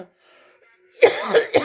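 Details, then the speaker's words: Chronic cough in an older woman of pension age, persisting despite drinking dog fat with milk. "у меня опять что-то стал кашель мучит меня хоть я и собачий жир пью с молоком"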